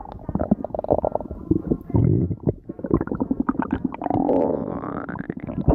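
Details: Stomach growl compilation: loud gurgling, rumbling bowel noises with a rising squeaky gurgle at the end; ordinary stomach growling (borborygmi).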